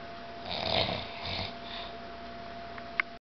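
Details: Grandfather and a family member sleeping during a farm vacation: two rough, breathy snoring sounds over a steady hum, then a brief click; snoring during sleep.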